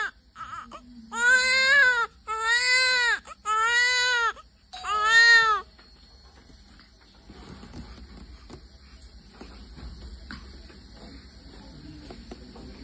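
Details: Newborn shortly after birth: four loud, strong cries in quick succession, then quiet room noise; vigorous normal newborn cry.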